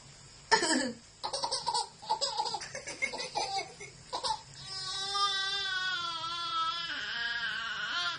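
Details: A father coughs once by accident, and his infant responds with bursts of laughter and a long squealing giggle; the sound is an adult cough followed by infant laughter.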